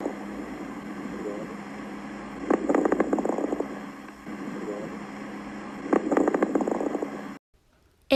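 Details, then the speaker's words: Fine crackles at about 18 breaths a minute: soft, brief, discontinuous popping clicks early in inspiration, heard best on inspiration and not cleared by coughing, located at the lung bases and lower lobes. "antes suaves breves y discontinuos se escuchan mejor en la inspiración y no desaparecen con la tos se localizan en la base de los pulmones y en los lóbulos inferiores"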